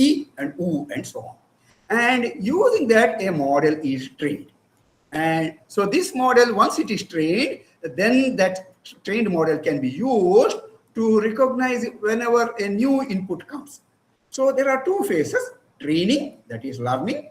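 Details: Adult presenter; normal speech.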